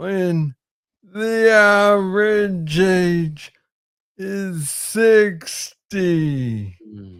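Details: Adult man with Parkinson's disease diagnosed in 2014 at about age 35, first misread as tennis elbow; slow speech from hypokinetic dysarthria of Parkinson's disease.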